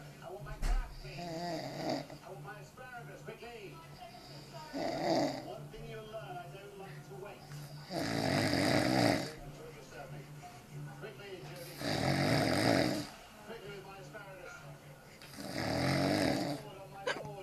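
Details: Loud rattling snores about every four seconds, roughly 16 breaths a minute, from a drunk dad after far too much beer at the local, with quieter talk and faint music in the background; snoring.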